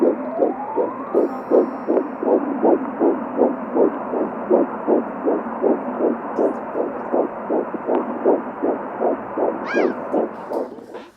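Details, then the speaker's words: Before 10 weeks of pregnancy: rapid, regular whooshing fetal heartbeat about 158 per minute, heard on ultrasound Doppler, the first time the parents heard their daughter's heartbeat. "But when we heard her heartbeat for the first time,"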